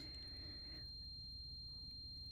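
A steady, thin high-pitched ring holds one unchanging note over faint low room hum, a simulation of tinnitus heard as a constant single tone.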